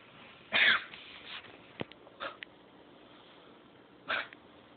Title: Kennel cough